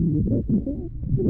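Harsh, low-pitched breath noise with a rough, bubbling, crackly texture runs through a short stretch of infant breathing. These are coarse crackles with tracheal and bronchial breath sounds, from secretions in the airways of an infant with congenital tracheal narrowing and tracheobronchitis.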